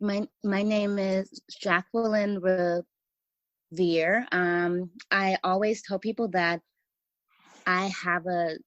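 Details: Stuttering in an adult woman writer who says she has a stutter that listeners may hear.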